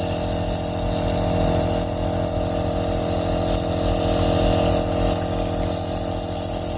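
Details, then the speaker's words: Believia NB03 compressor nebulizer, 60 W, with medication in cup, switched on: steady loud mechanical hum with fast rattling pulse, normal running sound. "कि उसके बाद button on करके इस की आवाज भी चेक करते हैं"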